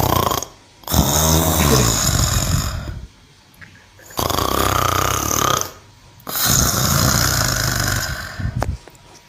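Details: Cow snoring: three loud, deep, rumbling snores with quiet pauses between, about one every three seconds.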